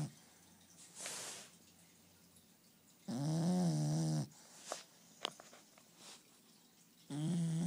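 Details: Loud, drawn-out snoring from two napping bulldogs, a 1-year-old and a 5-month-old puppy, separated by quiet pauses and a few soft snuffles.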